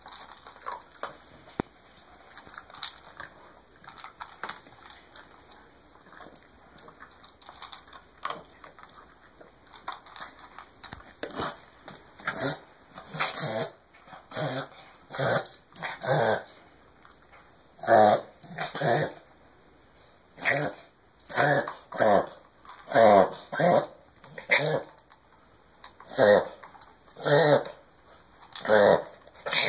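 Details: Dog having a reverse sneeze episode: a run of loud, honking, snorting inhalations.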